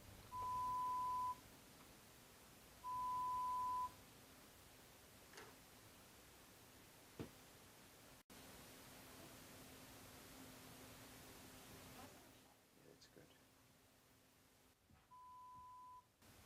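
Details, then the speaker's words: Pure-tone air conduction audiometry in an adult client reporting trouble hearing in background noise after much live music: steady one-second tones via insert earphones, one ear at a time, at irregular intervals, the last quieter, while thresholds per speech frequency are established. "The client responds to the sounds they hear, usually by pushing a response button. The tests establish the patient's threshold of hearing for each of a number of frequencies that are important for understanding speech."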